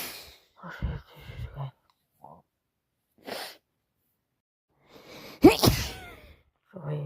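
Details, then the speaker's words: Repeated allergic sneezing from bad hay fever, with itchy, runny, watery nose. Brief vocal sounds between sneezes and one loud, forceful sneeze near the end; the sneezer believes it is not a cold. "I don't think I'm getting a cold. I think it's hay fever. Here we go again."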